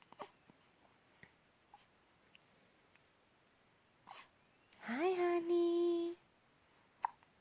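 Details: Infant hiccups: soft, quick hiccup clicks at a steady rhythm, then a brief whiny vocal sound and another hiccup.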